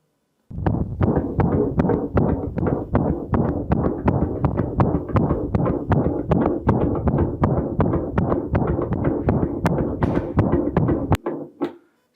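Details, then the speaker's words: Rapid heartbeat, about 160 a minute, with a smooth, flowing, water-like musical systolic murmur filling each beat, a pattern given by regurgitations and ventricular septal defects rather than the harsh sound of obstruction. "So all regurgitations but also ventricular septal defects they give a much more musical sound. So now we don't have the saw is like a flow of water."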